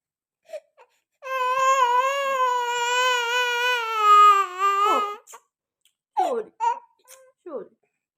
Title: #Mama #eating #chickpeas #and #baby #crying #roasted #cute #mamaandbaby